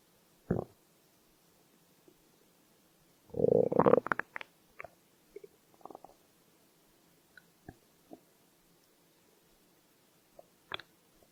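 Scattered gurgles and one longer rumbling growl, then faint clicks and pops: stomach growling, ordinary hunger sounds.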